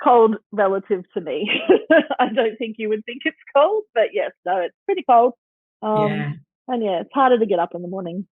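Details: Adult woman speaking, podcast-style recording; normal conversational speech.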